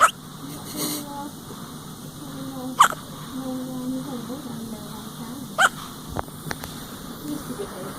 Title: has the hiccups!